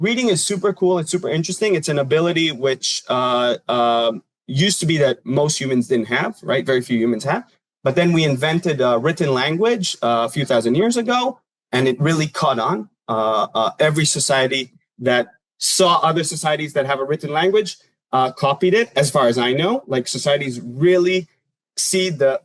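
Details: Adult male speaker; normal speech.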